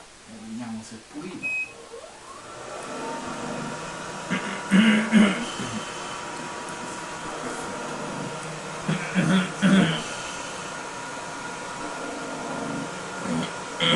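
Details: Mechanical insufflation-exsufflation (cough assist) through a tracheostomy in a patient with secretions: steady machine hum with rhythmic airflow bursts clearing the airway.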